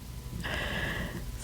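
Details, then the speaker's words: Small dog snoring in the background: a single noisy, snorting breath lasting under a second over low room rumble. "I don't know if y'all can hear it but in the background my dog is snoring like crazy let me be quiet for just a second to see if you can hear it he's a little tiny guy but boy he makes up for it in personality and snoring"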